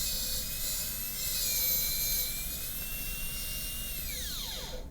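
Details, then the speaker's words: High-speed dental drill removing excess along the lingual, facial and middle of the proximal box in a tooth 19 MO composite preparation: high-pitched whine running steadily, then winding down as it stops. "Then we're going to get rid of the excess along the lingual wall looking so you know exactly how close you are to the adjacent tooth when you get rid of the excess."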